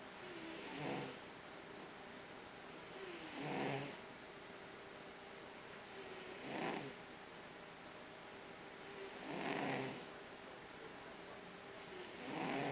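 Soft, regular snoring noises from a sleeping cat, about 20 breaths a minute, over steady room hum.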